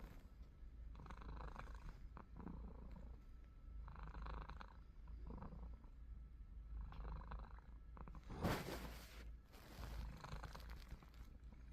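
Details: Sleeping cat snoring: soft, low rumbling breaths about every one and a half seconds, with a louder snort near the end.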